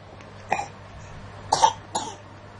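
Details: Three short cough bursts from a child over a few seconds, with a low steady hum in the background; the child is coughing.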